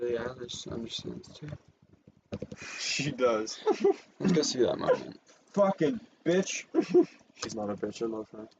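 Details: Adult speaker; Vocal tics (coprolalia) in Tourette syndrome.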